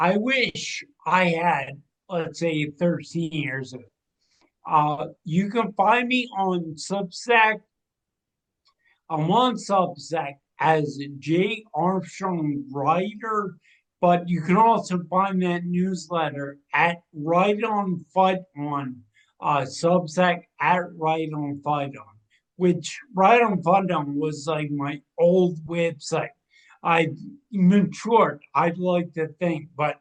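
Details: 45-year-old man with cerebral atrophy and ataxia, a rare degenerative brain disease diagnosed in 2013 or 2014; it progressed from 2020 with imbalance, motor skill decline and speech changes; ataxic dysarthria.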